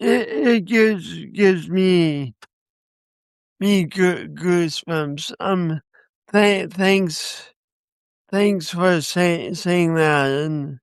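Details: Man with a speech impediment accompanied by coordination issues, which he says he has not overcome; stuttering-like disfluency (speech impediment).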